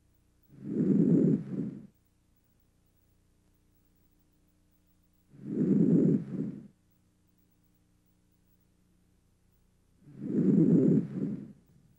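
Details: An adult male patient breathes deeply through his mouth during chest auscultation in a respiratory exam: three soft, low rushing breaths at about 12 a minute, inspiration longer than expiration, no wheeze or crackle: normal breath sounds.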